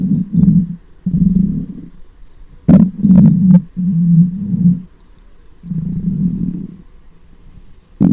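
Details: Close-miked stomach of a very large person who is extremely hungry; bowel sounds (borborygmi) from an empty stomach.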